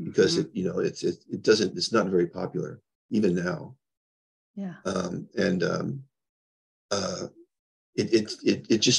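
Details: Adult man with progressing Parkinson's disease who reports mild stuttering, losing his words and impaired balance; disfluent speech with word-finding pauses (Parkinson's disease).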